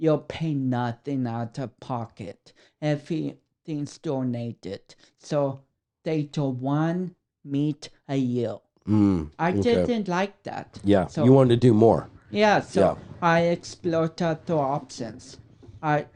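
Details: 32-year-old man with cerebral palsy affecting speech coordination and walking; dysarthria due to cerebral palsy.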